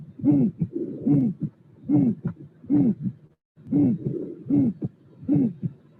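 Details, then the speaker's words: Aortic stenosis murmur with a musical quality: regular heartbeat near 74 a minute, each beat carrying a musical, hooting tone; real, unfiltered electronic-stethoscope auscultation with room noise, chest acting like a musical instrument. "So this is a aortic stenosis with a musical impression."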